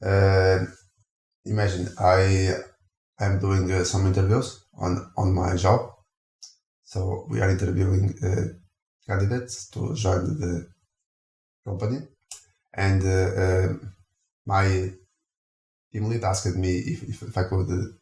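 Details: Adult male speaker; stuttering.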